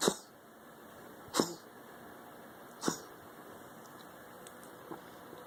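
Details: Cat reverse sneezing episode: three short, sharp nasal snorts about 1.5 seconds apart.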